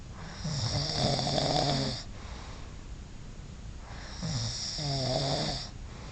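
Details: Loud snoring: two loud, rattling snores on the in-breath about four seconds apart, with a harsh fluttering buzz and hiss.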